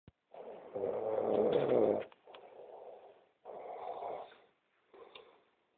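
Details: Person snoring in a hotel room at 3 a.m.: rough, rattling sleep breathing noises in bursts separated by brief pauses.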